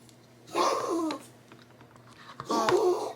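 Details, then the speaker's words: Small Pomeranian with a persistent cough already seen by a vet: two harsh, slightly honking coughing bouts in a quiet room. "you hear that coughing? That's my poor little Pomeranian. And I've mentioned her before as far as this cough of hers goes. Um, she's been to the vet about it."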